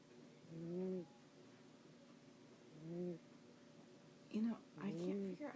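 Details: A male cat, Paris, snores while sleeping, with soft, low buzzing snores every two to three seconds and then a few noisier breaths; the owner had never heard him do this before: snoring.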